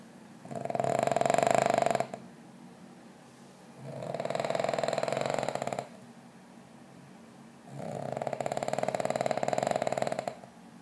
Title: My dog snoring